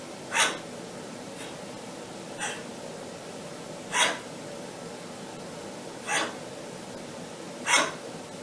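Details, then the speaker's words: Breathy, toneless huffs instead of barks from a debarked dog whose vocal cords were partly or fully removed by ventriculocordectomy (debarking surgery). "it is medically known as a ventricular cord ectomy and this is what it sounds like wheezing yeah"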